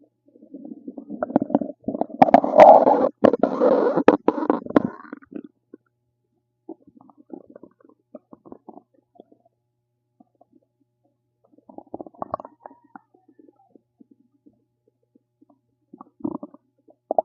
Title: RUMBLING STOMACH NOISES #stomachnoises #stomachsounds #stomachrumbling #stomach #guts